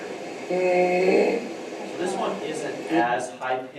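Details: Sick child with croup, described as fairly sick, likely needing emergency care: harsh, moderately pitched noisy breaths with hoarse vocal sounds; inspiratory stridor from upper airway narrowing.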